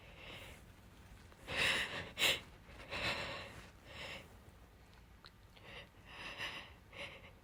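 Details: Female: quiet breathy buildups followed by a few wet, explosive sneezes; sneezing.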